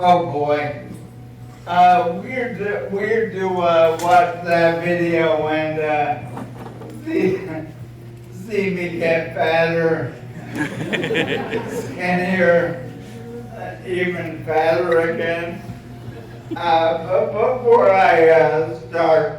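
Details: Adult male who states he was diagnosed with apraxia of speech (AOS), speaking at a Hall of Fame induction; apraxia of speech.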